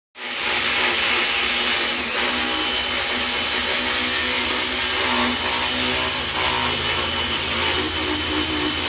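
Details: Equine dentistry with a power float on a horse's teeth: continuous loud motor whine with grinding as the teeth are rasped.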